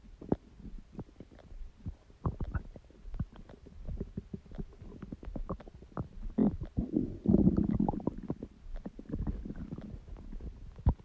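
Irregular low gurgles, squelches and rumbling bursts from the belly, with a longer gurgling run midway; ordinary stomach growling from gas and fluid moving through the gut.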